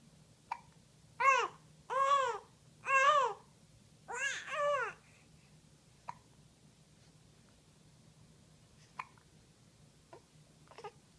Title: babbling and hiccup